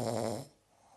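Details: A single brief, low, rattling buzz on an in-breath, then quiet: one snore during sleep, from a report on sleep apnea syndrome where a man says his wife tells him of his nightly snoring.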